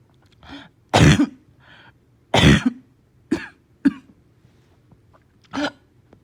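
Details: Harsh, hoarse barking cough, about five bursts with throat-clearing, in a patient with slight fever, gagging and vomiting.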